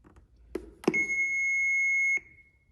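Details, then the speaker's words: AED switched on in a CPR/defibrillator training demonstration by opening the lid or pressing the on/off button; handling clicks, then a steady high electronic power-on tone of just over a second. "so firstly activate the machine turn it on machines vary but this is usually done by opening the lid or pressing an obvious on off button but you want to turn it on"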